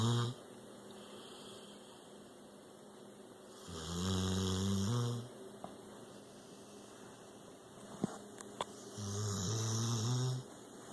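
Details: 6-year-old rescued pit bull snoring while asleep: deep, rumbling snores on each in-breath, about 12 a minute, with quiet pauses between; ordinary dog snoring.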